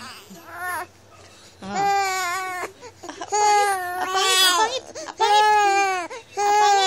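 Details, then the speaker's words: Infant boy with a scratch wound on his face cries in repeated strong wails separated by brief pauses, in a small quiet room. "Ayan umiiyak na ang suplado na yan ang haba ng jacket niya kasi may sugat na sa mukha"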